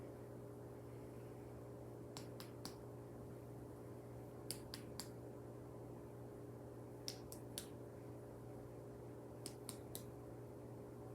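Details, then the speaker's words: Nurse's head-to-toe assessment: percussion of a patient's back over the lungs, which sounded bilaterally clear on auscultation. Four sets of three quick taps give a resonant note, the normal finding. "Okay, those sounded good. Those were resonant, which is just the normal sound we want to hear in your back."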